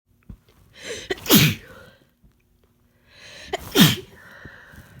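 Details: Two loud, forceful, uncovered sneezes from a sick person, each with a sharp in-breath and an explosive burst.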